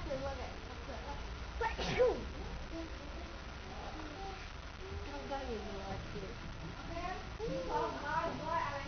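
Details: A single sharp sneeze burst early on, with voices talking before and after; a sneeze.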